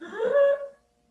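One short, high-pitched, musical noise on a single breath in: inspiratory stridor, as heard in croup.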